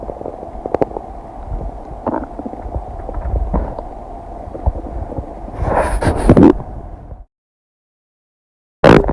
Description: A video edit of sounds of my stomach digesting some kombucha, cheese, and noodles, expanded to last 15 minutes.